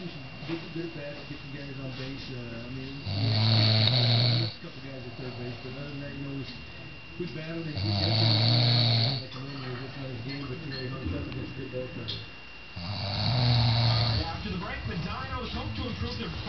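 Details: Exhausted father asleep after a day out: loud, rattling snores every four to five seconds, about 12 per minute, with quieter breathing and background noise between them; snoring.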